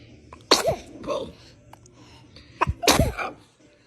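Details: Baby sneezing: two quick, high little sneezes about two seconds apart, each a sharp burst of air; ordinary infant sneezes.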